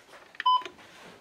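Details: Single short electronic beep as a button is pressed on a blood pressure monitor in a quiet warehouse during device testing, while checking the print function; normal device tone.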